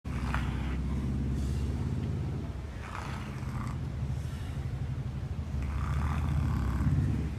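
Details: German Shepherd dog whose nose was bitten off by a leopard, now breathing only through the mouth with difficulty: loud, rough, rattling breathing noise running almost continuously through each breath; heavy snoring.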